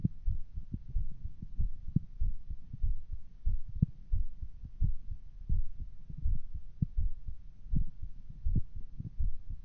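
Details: Regular heartbeat recorded through a phone: steady, low thumping beats at about 80 per minute; a normal heartbeat.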